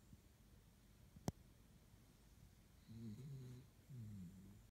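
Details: Pet snoring after warming and drying off from a walk in the snow: a single sharp click, then two soft, low, rumbling snoring breaths in a quiet room.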